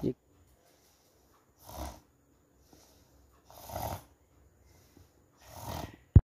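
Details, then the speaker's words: Snoring from upper-airway vibration during sleep; three rough, rattling inhalations about two seconds apart, separated by quiet. "हम खर्राटे क्यों लेते हैं खर्राटों की आवाज़ एक ना खुश गवार आवाज़ है"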